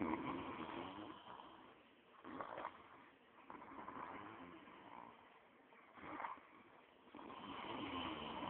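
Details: Person snoring, with rough, muffled breaths rising and falling over several cycles and some room noise; ordinary snoring.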